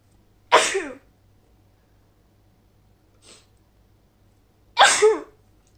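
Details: Woman coming down with a cold gives two sharp, forceful sneezes about four seconds apart, with a faint breath between, in a quiet room: sneezing.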